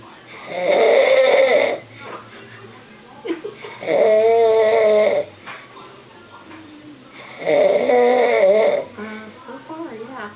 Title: Dad snoring